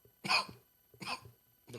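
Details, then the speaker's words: Person coughing during a podcast conversation: two sharp, dry cough bursts with a third starting at the end; plain cough. "cough is not saving you. Why we can hear that? We can hear you coughing."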